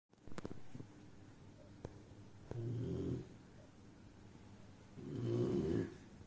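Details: Loud snoring: soft, low rumbling snores on each breath, a few seconds apart, with faint rustling between them.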